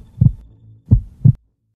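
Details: Heartbeat: three deep, muffled thumps with a faint low hum underneath.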